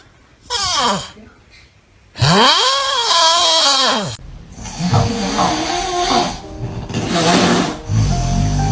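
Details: Loud, drawn-out rasping snores with rising and falling whistling pitch amid room noise; heavy snoring.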